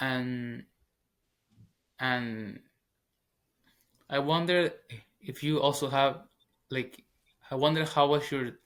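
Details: Stuttering in a 21-year-old man, a former covert stutterer who now stutters openly, speaking English as his second language.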